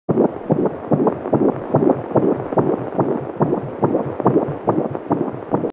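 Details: Fetal heart heard by Doppler: rapid, regular whooshing beats at about 140 a minute, a normal fetal rate.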